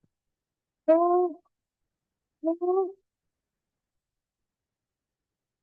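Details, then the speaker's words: Young girl with croup (subglottic upper airway obstruction): a high-pitched, barking, seal-like cough in three short bursts, occurring with inspiratory stridor; she is agitated but not toxic-looking. "You notice she's got this um a cough that sounds well, people say it sounds a bit like a dog barking. I think it's a sort of high-pitched um uh cough that goes along with her strider."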